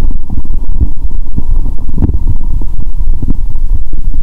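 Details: Abdomen heard through a stethoscope after drinking cola with Mentos, with a painful, swollen belly: loud continuous low gurgling and rumbling with bubbly pops, active bowel sounds (borborygmi).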